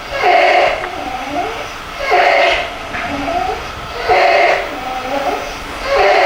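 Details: Child with laryngotracheitis (croup): repeated harsh, barking coughs with hoarse, high-pitched noisy inspiratory stridor between them.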